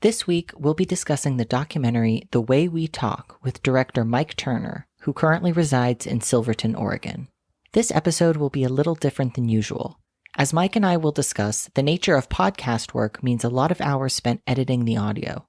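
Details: Adult male speaker; typical speech.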